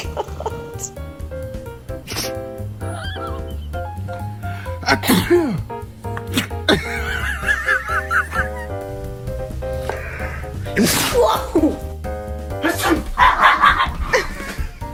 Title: Dog and sneezes🤧💨 #funny #funnypet #pets #funnydog #dog